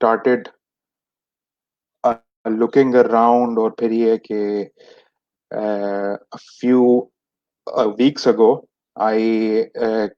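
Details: Stuttering in an adult man who has stammered since age 6; many speech therapies did not help him, and he is speaking in a session by stammerers for stammerers.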